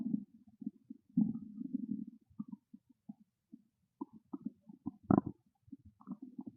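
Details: Hungry stomach growling: low gurgling rumbles in irregular bursts and runs, one louder gurgle near the end; normal bowel sounds (borborygmi).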